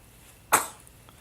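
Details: A single sudden, short, airy burst from a four-week-old infant; an infant sneeze.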